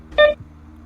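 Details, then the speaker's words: Covetrus ProMAX infusion pump during a manual bolus: a single short electronic beep sounds each time another 1 mL is infused, the pump's bolus tone. "note that every time the manual bolus infuses another one milliliter the user will hear an audible tone"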